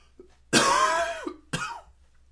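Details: Typical morning coughing, sneezing and sniffling: two forceful coughs, a long harsh voiced one with a throaty tail, then a shorter second cough.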